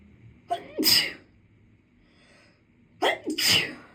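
Two loud sneezes, each with a sharp in-breath followed by a forceful burst, about three seconds apart.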